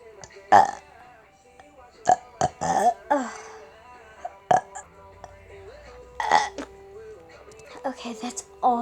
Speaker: Oh my god, I have so many burps. Ooh. How many burps do I have?